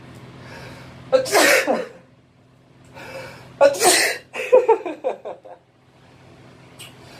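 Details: Two forceful sneezes from an adult male in a small echoing bathroom, the second followed by short voiced exhalations; ordinary sneezing.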